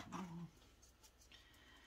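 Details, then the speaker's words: Pet dog snoring in the room, heard faintly in the background during narration. Snoring. "now my dog's snoring over there if you can i don't know if you can hear that or not"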